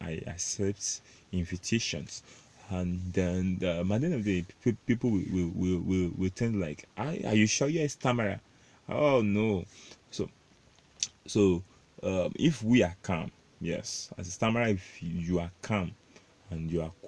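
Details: Adult male self-described stammerer, proud of it, with word repetitions in this stretch; stuttering.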